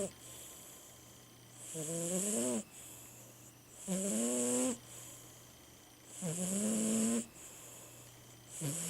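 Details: 17-year-old Siamese cat sleeping, snoring: regular rattling snores on each breath in, about 25 a minute, with a soft hiss between.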